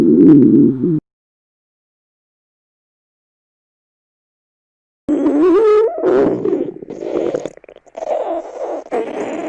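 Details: A brief loud growl, a pause, then long gurgling, squeaky rumbles; acted scene of a high school girl fasting a day to diet, with hunger stomach growls at the limit of hunger.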